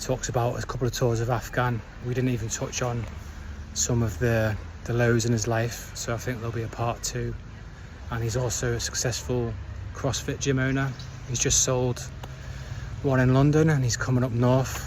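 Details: Adult male speaker; no speech disorder.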